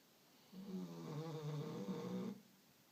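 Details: Dog snoring: a single low, rumbling, fluttering breath of about two seconds.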